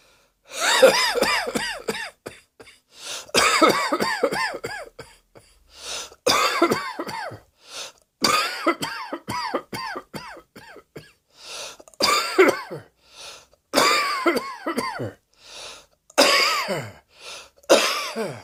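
Repeated bouts of harsh, forceful coughing with brief throat clearing between them.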